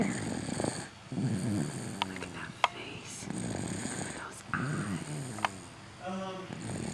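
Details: Dog snoring in heavy sleep: soft rattling, snuffling breaths with brief squeaky sounds against faint room noise.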